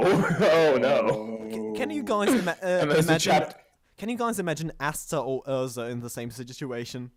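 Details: Stuttering; male podcast host whose co-hosts are introduced as the non-stammering hosts, implying he stammers; the show describes itself as combining manga talk with speech therapy.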